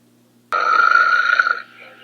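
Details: Cartoon sound effect during a sleepover snoring scene: one long, loud, rumbling burp of about a second; not a real recording.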